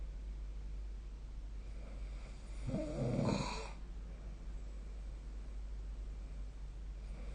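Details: Snoring during sleep recorded with the SnoreLab phone app: a single low, rattling snore lasting about a second rising out of steady background hum.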